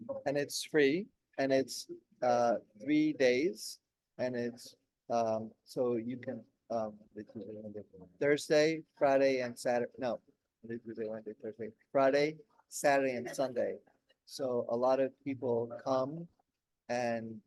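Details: Adult 16 years after a stroke during heart valve surgery, with post-stroke aphasia that improved slowly with daily speech therapy.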